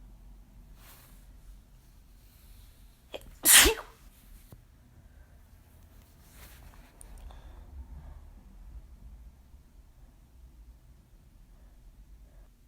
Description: Tried my hand at girly sneezes, but they were too strong and ended up just sounding desperate 🙃